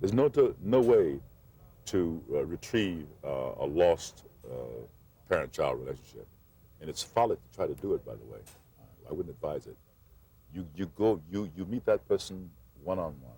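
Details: Adult male actor who stuttered since childhood, refused to speak for 8 years as a child, and says he always will be a stutterer, occasionally audible; mild stuttering with repetitions.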